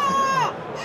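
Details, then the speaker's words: Infant cry sound played through a speaker for a sound event detection demo on an ultra-low-power edge AI processor: a brief, high-pitched wail, steady then falling, amid room noise; the device then confirmed the baby cry was detected. "So, this uh device will play the baby cry sound."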